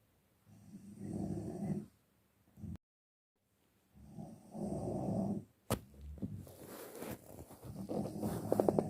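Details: Deep sleep: irregular, rattling snores with snorts and uneven breathing against some background noise; snoring.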